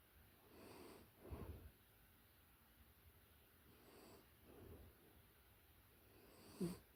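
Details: Close-up recording of a puppy in deep sleep: soft, quiet breaths with faint snuffly snores and a small snort under steady hiss; gentle snoring.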